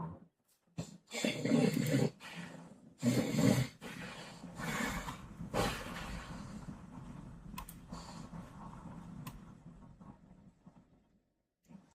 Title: Dub couldn’t sleep last night at Streamer University because his roommate kept snoring loudly 😭